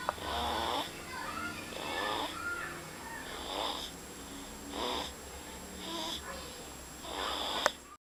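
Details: Two-month-old baby girl snoring: soft, rattly noisy breaths about every second, with some wheezy tones and a steady low hum behind; infant snoring.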